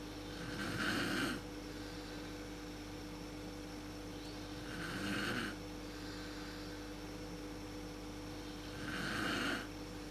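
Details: Adult woman (mother) snoring in a dark room, worst at sleep onset, recorded on a PowerShot SX130 IS camera: three rough, rattling snores at regular intervals, about 14 a minute, over steady hum.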